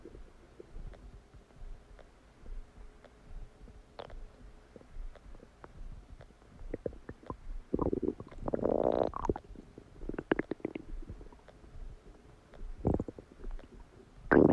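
Faint ticking and clicks, then loud squelching gurgles and bubbling rumbles in bursts; active digestion sounds after a meal, normal.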